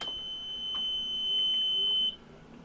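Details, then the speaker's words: Home oxygen concentrator with a bubble humidifier fitted to the outlet port, switched on: a single steady high-pitched beep of about two seconds; normal start-up tone. "This time I'm going to go ahead and start the machine."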